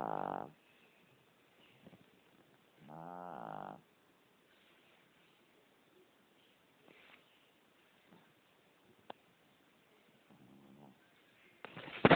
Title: Snoring Fat Dog